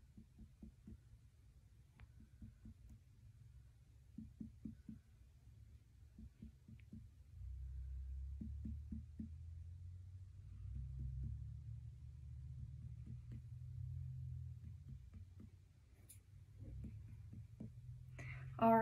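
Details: Student nurse percussing a healthy patient's abdomen during a routine abdominal assessment, after normal bowel sounds and no bruits; normal abdominal percussion with tympany and dullness.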